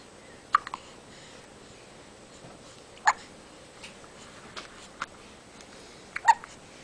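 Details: An infant girl, untroubled by it, with three abrupt little gulping hiccups about every three seconds, softer catches between, over steady room hiss; hiccups.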